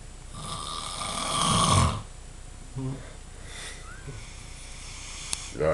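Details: Snoring from a man in Middlesbrough after a big night out: one loud, rough rattling snore on inhalation, then quieter breathing with faint background sounds.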